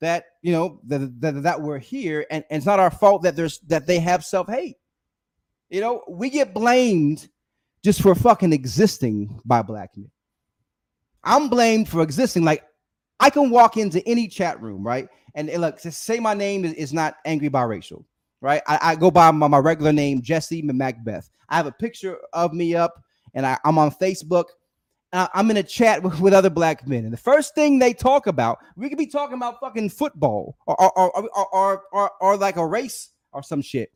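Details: Adult male host with a self-described speech impediment, stuttering during an unedited live stream; stuttering.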